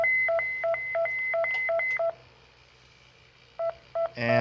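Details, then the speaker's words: Philips defibrillator in synchronized cardioversion mode for narrow-complex unstable tachycardia, charged to 50 joules; the sync marker did not appear, so it was resynchronized and recharged; repeated two-tone beeps, a pause, then more beeps around shock delivery. "so right now it's not a paired so I'll resynchronize I'll recharge it I'm at 50 joules I'm ready"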